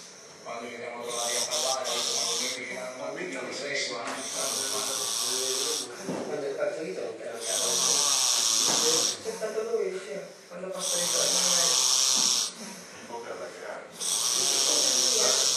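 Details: Loud snorer billed as a snoring champion: loud, rasping snores with hissing breaths, repeating about 18 times a minute. Heavy snoring.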